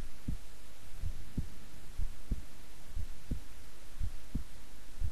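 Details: Own heartbeat recorded at length while staying still and relaxed: soft, regular low double thumps at roughly 70 beats a minute over a steady hum; normal resting heartbeat.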